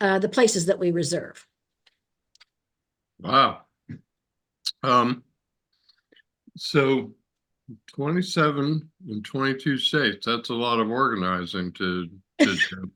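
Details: Adult male stroke survivor with ongoing aphasia since his stroke, who can sing along to familiar songs without it; aphasia.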